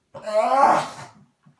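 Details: Dog's single harsh, goose-like honk lasting about a second, described as his worst cough sound, on a bad coughing day; honking cough.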